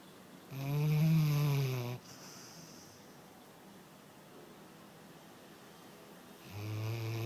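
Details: Snoring: loud, low, vibrating snores on breathing in, one full snore and the start of the next about six seconds apart, in a quiet room.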